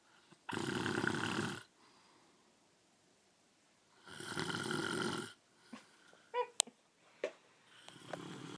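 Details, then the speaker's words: Father snoring, sounds his young son finds scary: two loud, rough snores about three seconds apart, then softer snuffling breaths; ordinary snoring. "that how in the hell am I supposed to sleep next to that"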